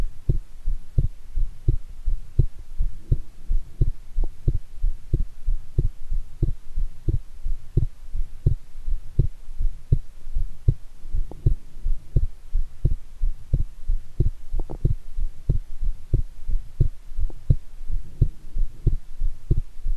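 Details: Own heart sounds recorded after a shower, while excited about an upcoming heart-themed TV program; strong, forceful, regular heartbeat at about 87 beats a minute, normal rhythm.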